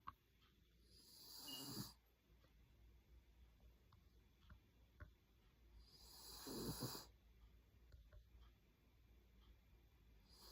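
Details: Small Lhasa Apso pup snoring while asleep; snoring.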